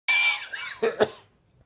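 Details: Harsh, strained adult male cough with a rough drawn-out onset, then two shorter hacking bursts, trying to clear the lungs during a cold with a nasty cough lasting weeks.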